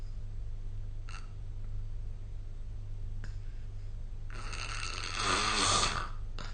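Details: Snoring during sleep, recorded with the SnoreLab smartphone app.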